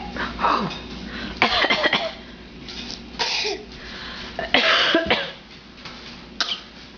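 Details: A child deliberately fakes a cough, showing off: several short, forced coughs with throat-clearing sounds in a small room. Voluntary cough.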